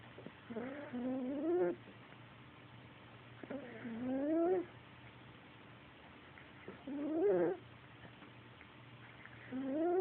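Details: Sleeping tiger snoring: deep, groaning breath sounds about every three seconds, roughly 20 a minute, with quiet pauses between.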